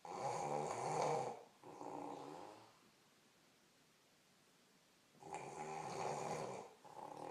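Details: Loud, rough, rattling inward snores with quiet pauses between breaths; a woman snoring heavily while napping in bed.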